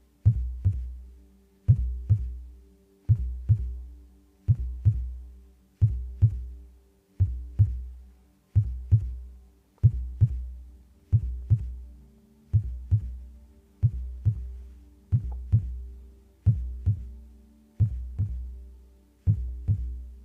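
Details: Heartbeat sounds, recording with stickers on the head, no talking: steady paired low thumps at about 44 beats per minute over a faint hum; a slow, regular heartbeat.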